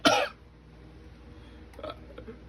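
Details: Adult laughing while playing a video game: one loud, harsh cough burst, then softer throat-clearing sounds after a pause, with faint room noise.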